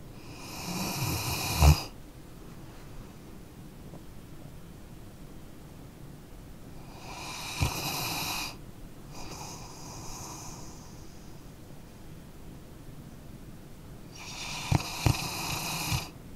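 Three slow, noisy breaths with a rattling, snorting quality about every seven seconds in a quiet room: a sleeping dog snoring.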